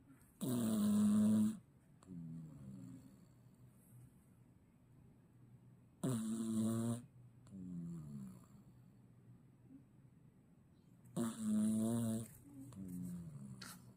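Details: Sleeping cat snoring: loud, buzzing, tone-like snores on each inhalation about every five seconds, each followed by a softer whistling exhalation.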